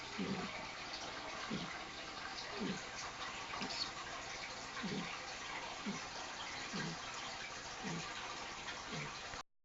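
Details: A 10-week-old apricot Mastiff puppy snoring loudly: quick, rhythmic rasping snores, about 50 a minute, partly masked by steady bubbling from a fish tank; ordinary puppy snoring.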